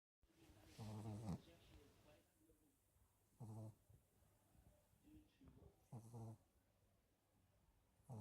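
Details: Four short, low, buzzing snores about every two and a half seconds, roughly 24 breaths a minute, against quiet room noise; snoring.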